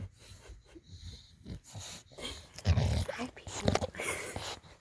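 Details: Moose, a sleeping dog, with low, fluttering snorts and rumbling breaths; a hilarious way of snoring.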